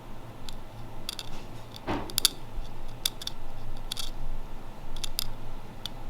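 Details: Dental hygienist hand-scaling an adult colleague's teeth, interproximal between teeth 24 and 25, without ultrasonic: sharp scraping clicks of a hand scaler, with one louder pop as a piece of tartar breaks away.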